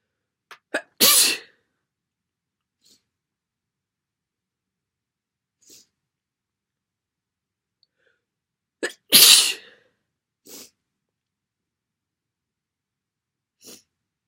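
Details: Very wet sneezes, possibly another cold: two forceful wet sneezes, each preceded by short catching in-breaths, with quiet sniffs between.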